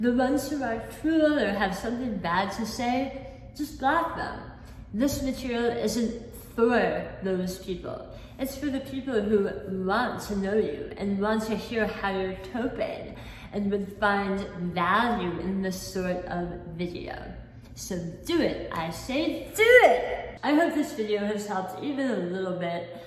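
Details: Adult woman, not born with a speech impediment, with lisp and imprecise articulation since a 2018 hemiglossectomy for large oral cancer at the back of the tongue; about 50% of the tongue was replaced by a cheek-tethered flap limiting movement; articulation disorder after partial tongue removal (hemiglossectomy).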